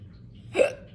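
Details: Repeated hiccups during a prolonged, full hiccup attack.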